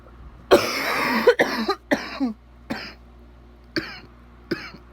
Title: Bad wet coughing